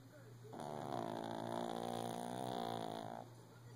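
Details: A single drawn-out, nasal, groaning snore of nearly three seconds from a shih tzu lying down early in the morning, with a faint steady hum in the room.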